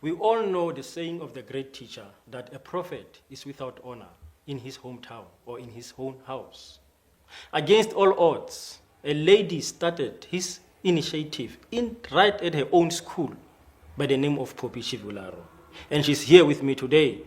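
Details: Adult male speaker; normal speech.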